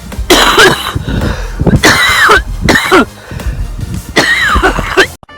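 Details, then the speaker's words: Repeated harsh, strained coughing bouts with throat clearing from a runner during a hard outdoor training session, coughing up blood at the start, middle and intermittently; the runner suspects a pulmonary function test done the day before. "I think I start coughing up blad as well C up blood at the start middle and then every so often"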